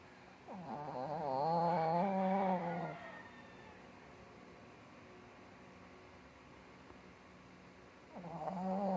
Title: Cute Shih Tzu snoring | #maria #animals #cutedog #shorts #shortfeed #dogsnoring #dog